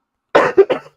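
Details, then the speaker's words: An adult who has been ill for four days with fever, chills, sweats and a wicked cough, without vomiting, gives a short run of three harsh coughs in quick succession; a persistent cough. "I didn't puke no it was just honestly just a fever and a wicked cough the whole time it's definitely going around"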